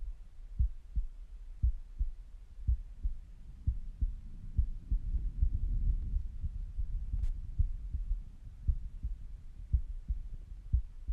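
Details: Resting heartbeat recorded with a stethoscope: a steady, low thumping at roughly 57 beats a minute, with rumbling stomach gurgles in the middle. A normal resting heartbeat.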